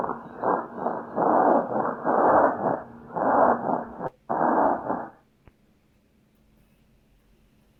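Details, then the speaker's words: High-pitched stridor in a newborn showing marked airway compromise from a vascular ring, played in a lecture on respiratory sounds. "ya estamos escuchando que existe bastante compromiso no la vía respiratoria bueno anillo"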